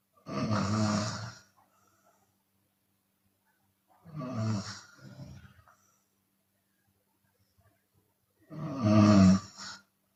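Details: Open-mouth snoring from a Chinese woman: loud, rough snores recur about every four seconds, sometimes with noise on the breath out.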